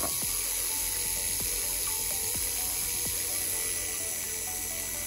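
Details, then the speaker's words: M4 Safety Handpiece with 30-degree watch-winding reciprocation and 4:1 gear reduction, driving a hand file for a glide path, moved up and down just outside the tooth: high whirring motor hum with faint rapid back-and-forth ticking over background music. "and then we just hit the gas pedal and what it does is it just essentially watch lines that fall back and forth"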